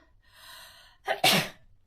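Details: Female streamer's sneeze: a soft breath in, then a single sharp, explosive sneeze burst against a quiet room.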